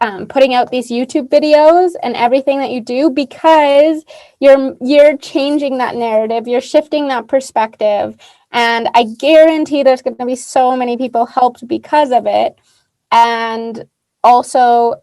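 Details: Adult woman speaking; typical speech.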